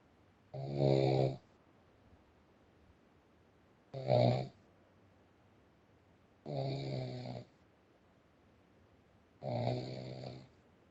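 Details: Big, burly man born in 1973 snoring heavily: four loud, low, rattling snores on the in-breath, a few seconds apart, in a quiet room.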